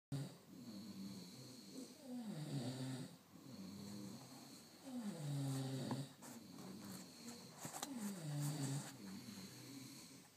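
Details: Rhythmic, rumbling snores with a falling tone, about 20 breaths a minute, with light room noise, from men in a snoring contest; snoring.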